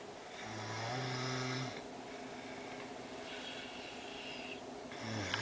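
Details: Loud, low, buzzing inspiratory snores with quieter breathing between them from a person asleep in a quiet room.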